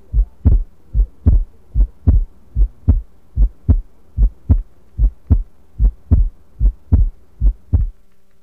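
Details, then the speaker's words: Simulated auscultation in a Second Life training sim, healthy virtual patient, with all four auscultation sounds presented: normal heart sounds. "This is exam room 1. The patient here is healthy. Listen to all 4 sounds."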